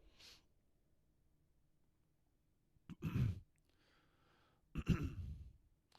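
A soft breath, then two harsh, low, rasping bursts a couple of seconds apart in a quiet room: throat clearing.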